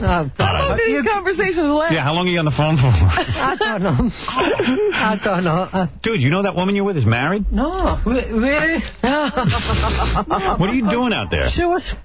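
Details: Adult men talking on a radio broadcast; conversational speech.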